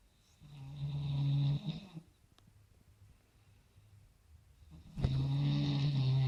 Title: Dangerous snoring